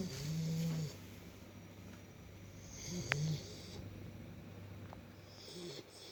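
Soft, low, rumbling snores recur every few seconds over a quiet room, typical of a dog snoring while asleep.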